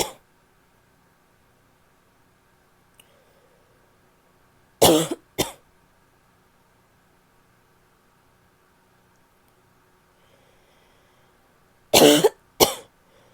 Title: annoying barky cough (f)